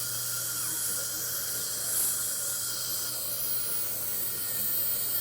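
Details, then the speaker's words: High-speed dental drill with a 12-fluted multi-fluted burr in a continuous high-pitched whine and hiss, used as a second stage of shaping and first polish of a new filling. "I think these are the Brassler burrs, 12 fluted. Very nice to get your first polish. So I just use it as kind of my second stage of shaping the filling."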